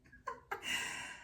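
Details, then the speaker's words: A dog snoring in a quiet room: short snorty breaths followed by a drawn-out, hissing nasal breath. "Can you hear the dog? Snoring."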